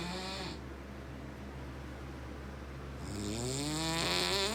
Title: Snoring is whack